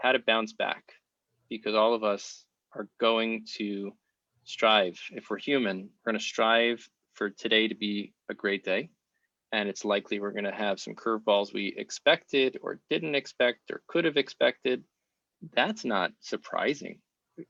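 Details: Adult man speaking; Normal adult speech.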